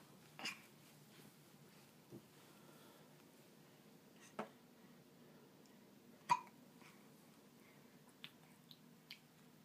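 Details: Infant hiccups at 7 months of age: about six brief, sharp catching sounds at irregular intervals over ten seconds in a quiet room.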